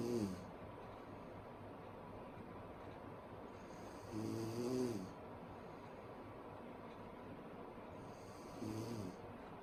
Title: Sleeping Women Loud Snoring